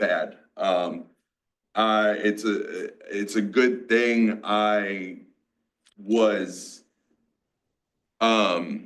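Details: 47-year-old man with aphasia, a mix of Broca's and Wernicke's, after a massive stroke 6 years ago; he had to relearn to talk after the stroke.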